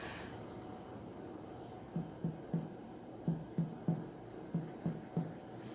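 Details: Abdominal percussion during a physical examination gives a tympanic note, judged normal: gastric tympany.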